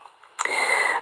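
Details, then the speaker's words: Snoring from a dog in deep sleep while its belly is stroked: after a quiet start, a steady whistling, hissy, high-pitched snore. "If you can hear snoring in the background, it's my Dougal. He's very much in a very deep sleep. And as I'm reading you this, I'm stroking his belly and he's just snoring away like a good little doggy."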